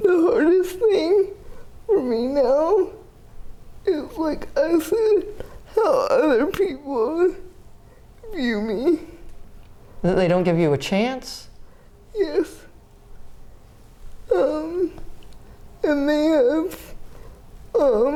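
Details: 30-year-old woman with GMFCS Level 4 spastic quadriplegic cerebral palsy with an athetoid component affecting arms, legs and trunk; uses a power wheelchair, repeated eye and hip orthopedic surgeries; dysarthria (athetoid cerebral palsy).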